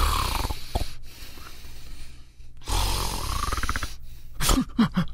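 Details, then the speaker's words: Demonstration sound of sleep apnea in a radio advertisement: loud, rattling snores ending in abrupt snorts; snoring with snorting typical of obstructive sleep apnea. "the sound of sleep apnea"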